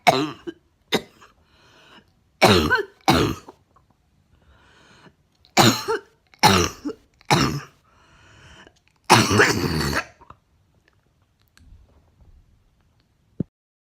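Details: About eight harsh coughs in short bursts, some loose and wet, some harsh and barking, with quiet breaths between: a wet, barking cough.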